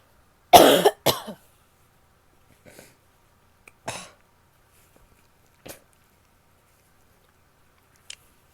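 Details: Female coughing: one strong cough burst with a second follow-up, then a few faint throat and spitting sounds in a quiet room.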